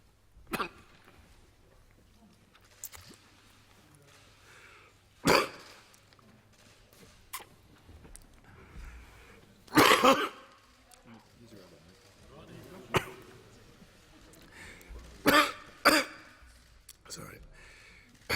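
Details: Adult man giving a speech in parliament with a tickle in his throat coughs repeatedly in short, separate bursts between quiet pauses and sips of water, a recurring coughing fit; he was later tested for coronavirus.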